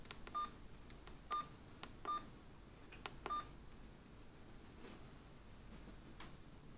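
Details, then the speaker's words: Several short beeps with key clicks, about four presses over a few seconds: keypad tones from an Alaris 8015 PC unit infusion pump during a preventative-maintenance keypad test. "the keypad test is pretty straightforward you just press each of the keys and the corresponding label goes green if you double press a key it'll turn red"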